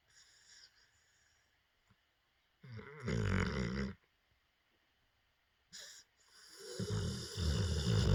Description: Does anyone else's dog snore and dream like this ? haha